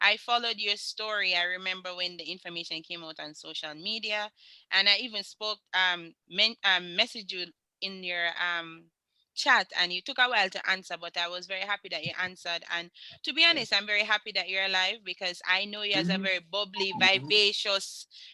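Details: Adult woman speaking; normal conversational speech.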